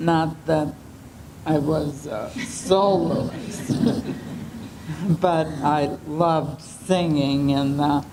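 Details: 75-year-old woman with ALS, onset unclear and possibly several years earlier, who has slow speech, voice changes, swallowing difficulty and fatigue; dysarthria (ALS).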